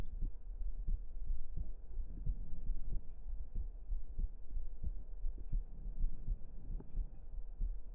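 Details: Close-up ASMR heartbeat recording: steady, regular low thumps at about 80 beats a minute over a soft background hum; normal heart sounds.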